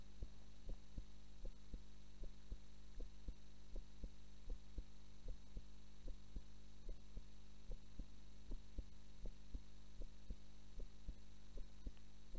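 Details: Normal heart sounds recorded while the subject was asleep: steady soft thumps at about 77 beats a minute under a constant low electrical hum.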